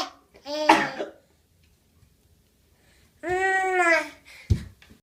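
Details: An infant makes two voiced, throaty cough-like sounds and one short cough burst: a deliberate, voluntary fake cough.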